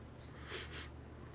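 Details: Two quick, forceful nasal snorts in a small room, as a deliberate attempt to bring on a sneeze.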